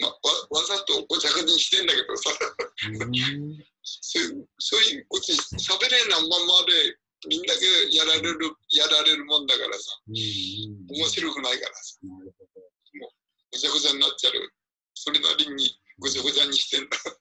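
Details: Aphasia present about three years, man, speaking in an online video-call group session for people with aphasia.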